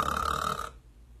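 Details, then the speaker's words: A brief, rough, rattling snore imitated by an awake adult respiratory therapist, showing throat tissue vibrating as the airway narrows, in an explanation of sleep apnea. Snoring (imitated). "that air that passes through your throat causes the tissue in your throat to vibrate together and we all know what that sounds like"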